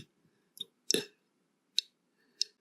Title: R-CPD - Comment ai-je appris à roter - MA RÉÉDUCATION